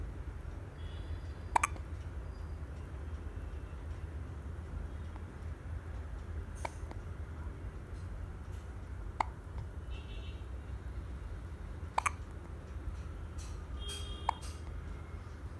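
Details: Newborn baby hiccuping: faint, brief, abrupt hiccups recurring every few seconds, about five in fifteen seconds, over steady low room hum.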